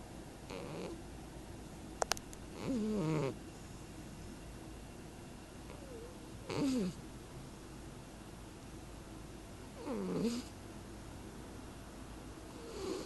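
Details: Cat snoring: a whistling, wavering snore on each breath, about 17 breaths a minute, with brief clicks in the background.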